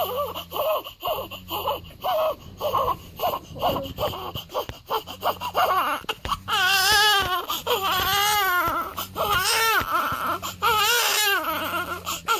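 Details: A 7-day-old newborn boy, on the day of his final weigh-in and discharge home, fusses in short choppy bursts, then breaks into full, rising-and-falling wails over a low hum: ordinary newborn crying.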